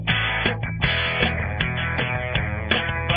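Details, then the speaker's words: Simulation of severe hearing loss with a hearing aid: strummed guitar music sounding muffled and flat, upper tones cut away; the aid helps but does not restore normal hearing. "a hearing aid helps with this degree of hearing loss but it does not bring hearing back to normal"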